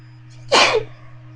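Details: Induced sneeze from tickling the nose with a bobby pin, in a session of about 30 sneezes: a single sharp, explosive sneeze over a low room hum.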